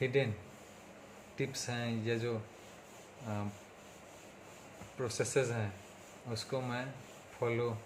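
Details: Stuttering in an adult man speaking Hindi, on day 37 of speech therapy for his stammering, with improvement noted across speaking situations.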